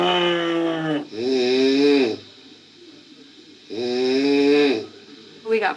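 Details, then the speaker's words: Adult woman (TV chef on a jungle reality show) snoring: loud, drawn-out, tonal snores about two seconds long, repeating rhythmically with quiet gaps; loud snoring. "we're all sitting here having a conversation all of a sudden we're like what wait what is that is that snoring yeah you're winding me"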